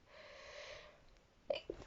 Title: Reading while sneezing. (F)